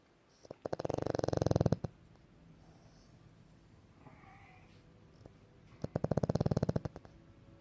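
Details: Pug dog snoring while sleeping: two loud, rattling snore bursts several seconds apart, each a rapid buzzing flutter on inspiration, with quiet breathing between.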